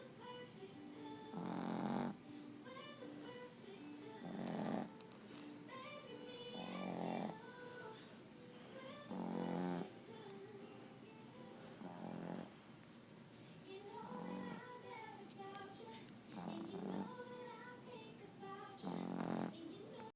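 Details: Sleeping dog snoring: regular rumbling snores roughly every two and a half seconds over soft background music.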